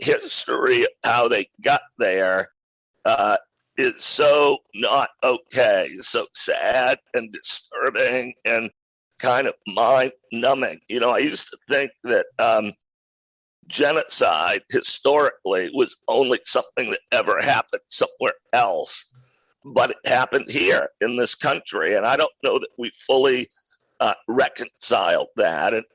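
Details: Adult man with a rare neurological voice disorder acquired in 2012 that made speaking difficult, still audible in his speech; neurological voice disorder.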